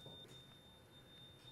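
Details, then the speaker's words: Steady high-pitched fluoroscopy beep during an X-ray exposure while positioning a guide wire for percutaneous screw fixation of a non-healed Jones (fifth metatarsal) fracture in a 45-year-old woman; fluoroscopy exposure beep. "what we'll do is try to put this thing in the perfect position that we desire under x-ray shot"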